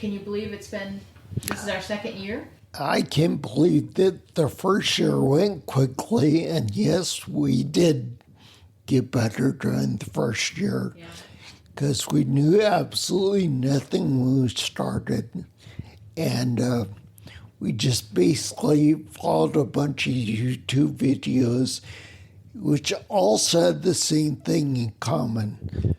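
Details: Man with spinocerebellar ataxia (SCA), a rare neuromuscular disease that also causes mobility problems, staggering and noise-induced anxiety; he reports a speech impediment with slurring that makes him sound drunk; ataxic dysarthria.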